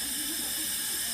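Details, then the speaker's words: Mock airway training with a simulated hypoxic patient at 75% saturation: an oxygen flowmeter turned past 15 L/min to flush, said to deliver about 150 L/min, giving a loud continuous rushing hiss of gas. "So by doing this, see how much the sound is? That means that he's getting 150 liters per minute right now."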